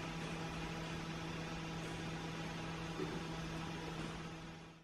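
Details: Steady mechanical hum with an even motor drone and hiss throughout: a nebulizer compressor running while a white Persian cat receives nebulizer mist to the face.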